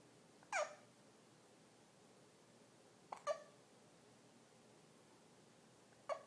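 Three brief, abrupt hiccup sounds at irregular intervals over about six seconds against quiet room noise.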